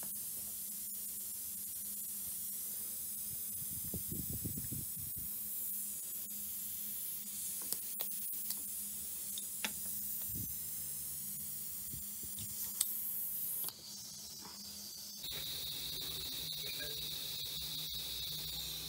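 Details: Waterlase iPlus dental laser demonstration on an extracted tooth, apicectomy/apical seal using MZ6 or MX turbo tips: steady hissing water spray with rapid faint snapping pulses and sharp clicks as laser cuts tooth.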